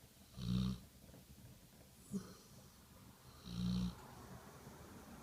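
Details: Sleeping chocolate Labrador dog snoring: two loud, low rumbling snores about three seconds apart, with a soft snort between them.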